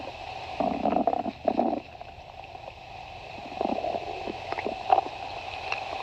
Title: stomach growling